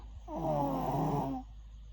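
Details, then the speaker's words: Loud, rattling, buzzy inspiratory snore in a 5-year-old girl while sleeping, reported as getting worse and keeping the family awake; parent asks whether this is normal; snoring. "so I don't think it's normal for a 5 years old to be sning like this. This is getting worse. Like seriously, we can't sleep"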